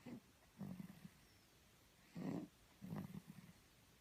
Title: snoring sleeping beauty